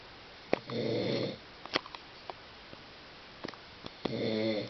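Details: Ordinary snoring: two drawn-out, rattling snores a few seconds apart, with quiet sniffs and clicks between them.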